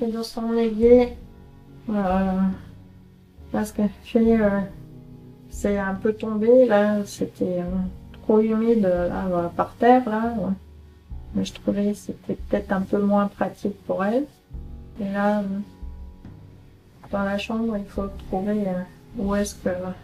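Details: 48-year-old woman with semantic variant primary progressive aphasia, a rare Alzheimer-related disease, describing a picture during her annual follow-up consultation; semantic variant primary progressive aphasia.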